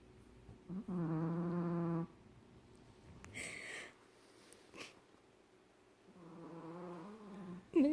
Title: Smoochie snoring